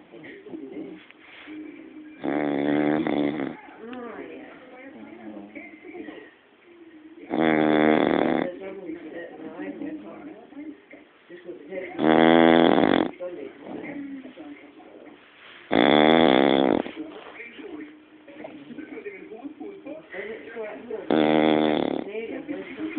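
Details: Dog snoring heavily in sleep, reportedly with eyes open: loud buzzing snores every four to five seconds with softer whistling breaths between them; snoring.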